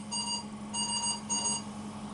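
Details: Ventilator alarm sounding for high airway pressure: repeated high-pitched electronic beep bursts over a low steady hum, from an acute care teaching session on troubleshooting high airway pressure during mechanical ventilation.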